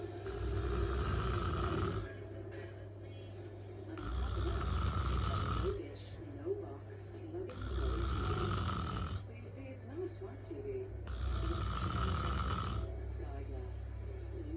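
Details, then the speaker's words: Person snoring loudly while asleep with the TV on: loud rumbling snores about one every four seconds, heard over television speech and music; snoring. "Another good night of snoring away."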